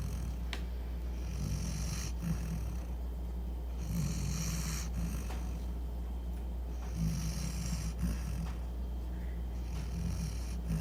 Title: Dog snoring